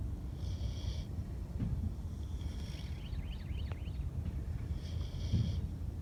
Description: This is just a fun quick two minute video of PorkChop and Petunia the KuneKune pigs taking a nap! They make such funny snoring sounds!